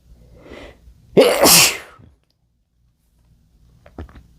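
A brief in-breath followed by one sharp, explosive sneeze, then quiet. A single sneeze.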